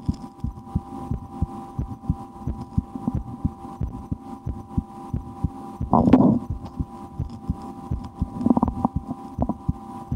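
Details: Own heartbeat heard through a stethoscope in a relaxation recording, breath held a couple of times while trying to speed the heart: regular thumps around 100 a minute, faint hum, brief rustle midway; normal heart sounds.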